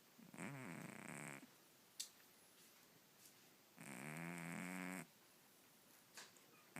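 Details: Sleeping female cat, owner wonders about sleep apnea; two long, buzzy, loud snoring breaths with quiet between; snoring.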